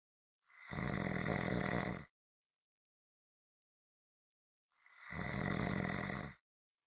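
Two long, harsh, rumbling snores separated by about three seconds of silence; snoring during sleep.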